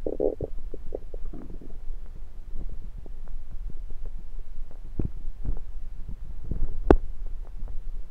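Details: Abdomen recorded with a USB stethoscope: continuous low rumbling with frequent gurgles and clicks; active bowel sounds (borborygmi) of a rumbling stomach.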